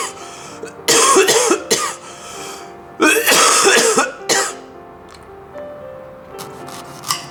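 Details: Adult with violent, non-stop coughs for about 5 days gives two forceful, harsh coughing bouts of about four bursts in all, over faint background music.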